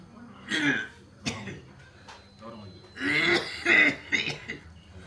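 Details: Bursts of harsh, throat-clearing coughs with quieter breathy sounds between, in a small room; the cough and tormenting shortness of breath are attributed to "racun palupuah," a claimed Minang sorcery poison placed in food; cough.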